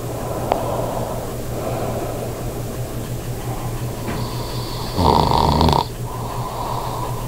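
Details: Adult man, a habitual snorer since at least age 35, sleeping while testing the Pure Sleep stop-snoring mouthpiece (take one): steady low hum and soft breathing, then one loud, harsh, vibrating snore of about a second.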